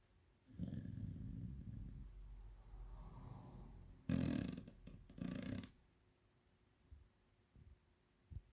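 Low rumbling breaths with a couple of louder snorting snores, then quiet; a sleeping dog snoring.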